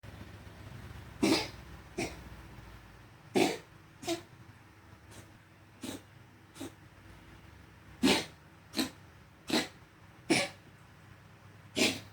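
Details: A cat gives about eleven short, dry, hacking coughs in twelve seconds, some in quick pairs: repeated coughing.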